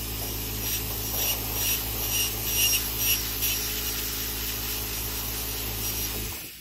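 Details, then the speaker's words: Podiatry water-spraying nail grinder thinning an adult female patient's thick yellow fungal toenail: rasping, sanding strokes over a steady motor hum and hiss of water spray. "so just going to grind it a little bit it's going to feel a little bit wet because it's got a it's going to spray a little bit of um water"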